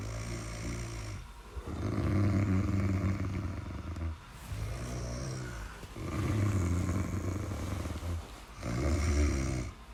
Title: Snoring sound (30 minutes)